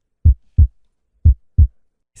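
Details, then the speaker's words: Cardiologist's example of a normal heart: two regular, low, even lub-dub heartbeats with clean silence between them; normal heart sounds. "Exactamente. Ese es el corazón normal."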